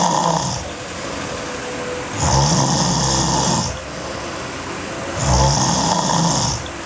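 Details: Sleeping girl, hard snoring: loud, harsh snoring about 20 breaths a minute with strong rattling on each breath over steady background noise.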